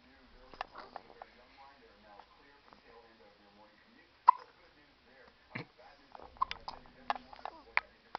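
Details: Hiccups in a young child, filmed in 2009: abrupt, sharp gulping catches recurring among soft talking.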